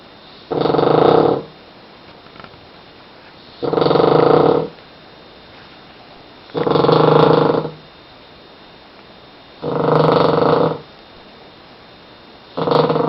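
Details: Sleeping: loud, rough, rattling snores on each breath in, about every three seconds, roughly 22 a minute, with quiet pauses between them; snoring.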